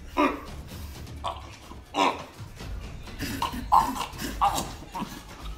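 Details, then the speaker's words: Choking cough in a person who swallowed a mouthful of dry cinnamon powder without water (cinnamon challenge): repeated harsh, sputtering coughs and gagging bursts as he becomes unable to breathe, then air rushes back into his lungs. "one of them is able to laugh it off but the other begins to gag and sputter as he becomes unable to breathe listen to the sound of air rush back into his lungs thankfully he's all right but that was a close one"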